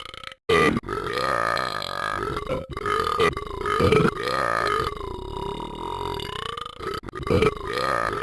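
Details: Animated character Talking Ben (Episode 5) burping many times: long, loud, drawn-out belches repeated several times in a row.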